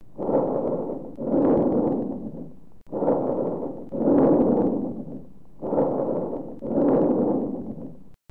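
Soft rushing breath sounds with inspiration and expiration of similar length, typical of normal bronchovesicular breathing.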